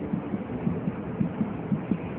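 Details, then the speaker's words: Fetal heart sounds heard during a Leopold pregnancy examination demonstration: rapid, regular paired thumps about 110–120 a minute over a low hum. The fetus is head-down with its back on the right, and the sounds are counted in 5-second intervals (11–12 beats each). "kalau sudah ini yakin denyut jantung janin di mana denyut jantung janinan akan lebih cepat dari denyut Nji"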